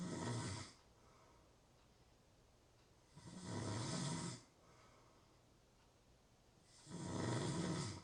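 Loud, rough snores on each breath in, with quiet pauses between, about 17 a minute; ordinary snoring.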